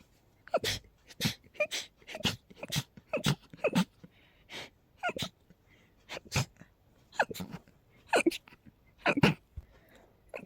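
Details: Dog with a cold, amid high pollen and dust, gives a fast run of about eighteen sharp, snorting sneezes in ten seconds, with faint whimpers between them; rapid repeated sneezing.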